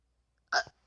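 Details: Hiccup: a single sharp, abrupt hiccup with a quick voiced catch in a quiet room, from a person who says they have the hiccups while playing Minecraft.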